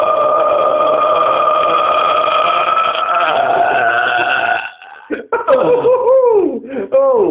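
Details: Man burping deliberately after kebab and cola: a long, loud, sustained belch, then shorter wavering belches.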